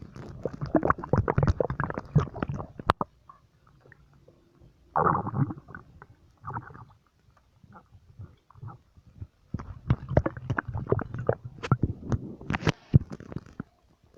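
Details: Stomach noises: bursts of low gurgling and rumbling from the abdomen, ordinary active bowel sounds (borborygmi).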